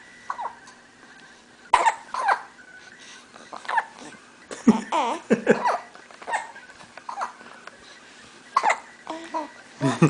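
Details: 6-week-old twins hiccuping: sudden little vocal jolts repeating every second or two amid soft baby noises: hiccups.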